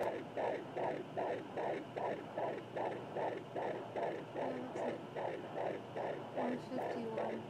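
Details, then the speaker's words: Fetal heartbeat on home Doppler, heard amid wind-like gusting noise: rapid, regular whooshing pulses about 145 beats a minute, within the normal range. "we got a doppler see it sounds so weird because all you hear is like wind and gusts sounds like a tornado"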